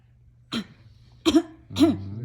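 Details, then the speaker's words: Five-month-old baby girl, awake late: three short voiced cough-like sounds imitating adults' coughing; a playful fake voluntary cough. "She's like, don't fake, Mom. Like, that's fake, huh? No, that's fake. No, that's fake."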